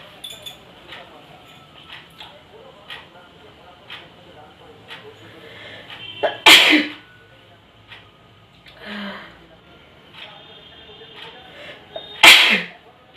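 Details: Two loud, sharp sneezes during a sneezing challenge, each with a quick intake before the burst, over quiet room noise.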